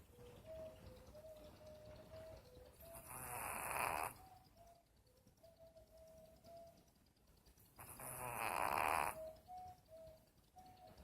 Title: snoring